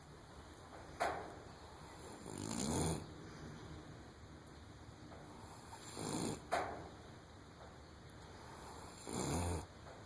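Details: Foal aged 3½ weeks, by an AQHA sire, who snores like this all the time: slow, rough snoring, about three snores over ten seconds, recurring with each breath during sleep.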